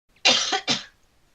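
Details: Two quick, harsh cough bursts during a live broadcast, in a quiet room; cough.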